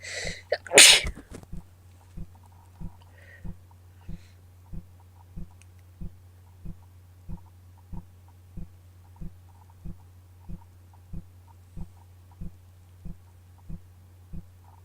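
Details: Sneeze during a bad cold, with wet sniffling, nose blowing and false starts: a single forceful sneeze over a steady rhythmic ticking and low background hum.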